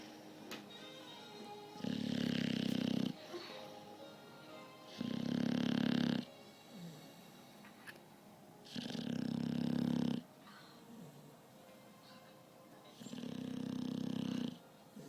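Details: Adult snoring: four loud, rough buzzing snores, each over a second long, about every three to four seconds; ordinary snoring.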